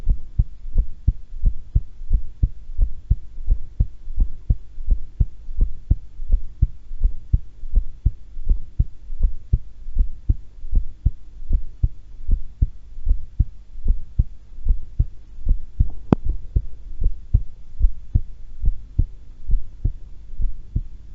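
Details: Steady, regular heartbeat with clear paired thumps and low background hum, recorded at rest while calm during voluntary breath-holding; normal heart sounds.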